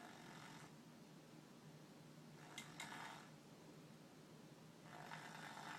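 Soft, rough breathing noises recur in a quiet room, fitting snoring during sleep.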